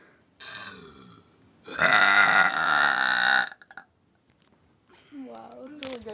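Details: Deliberate burping during a burping contest among friends: a long, loud, rumbling voiced belch of nearly two seconds after a shorter one, then brief talk.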